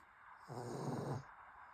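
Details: Pug with a flat, squishy face snoring: a single rough, snorting snore on the in-breath, typical of its short muzzle.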